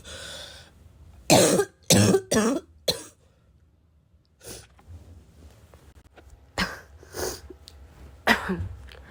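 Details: Heavy, harsh barking cough, about eight bursts mixed with throat clearing and sniffing; described as a smoker's cough, person unsure whether it is from vaping or from getting sick.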